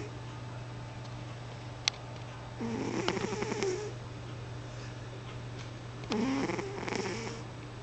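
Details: Snoring from a sleeping cat: two rattling, purring breaths over a steady low room hum.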